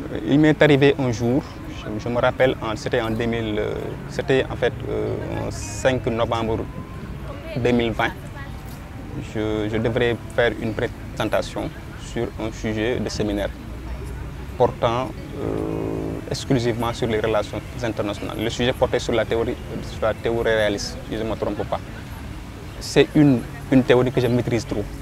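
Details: Young Senegalese man who stutters: stuttering.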